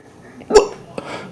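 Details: Bad case of the hiccups: a single sharp, abrupt hiccup in a quiet room, with a faint softer catch after it.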